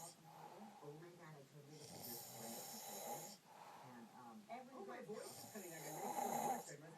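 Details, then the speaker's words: Man snoring in his sleep: loud, rough, rattling snores on breathing in, with a buzzing vibration through each long inhalation; heavy snoring. "he wonders why I can't get any sleep at night."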